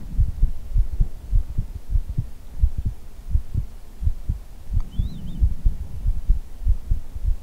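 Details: ASMR heartbeat recording: steady low thumps in regular pairs, about 72 beats a minute, with a faint soft hum underneath; normal heartbeat.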